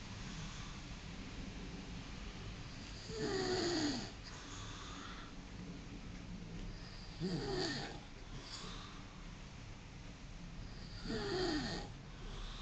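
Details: Heavy snoring: loud, rattling snores on each breath, about 15 a minute, over steady room noise.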